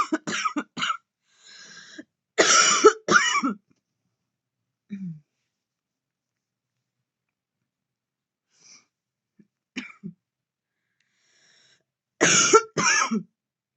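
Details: Adult woman (curvy) vaping in bed, real natural coughing after deep vape puffs: harsh, forceful heavy coughs in short clusters with quiet pauses between bouts.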